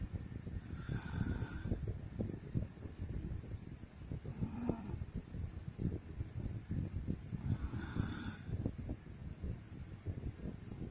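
Low, rattling snores on about three breaths over eleven seconds, against steady background noise: snoring during sleep.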